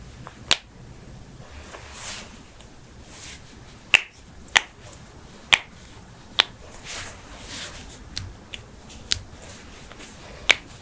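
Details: Joint cracking compilation (knuckles, necks, toes, backs, ankles, hips, wrists, jaws): about nine sharp, separate pops and clicks over ten seconds against quiet room noise.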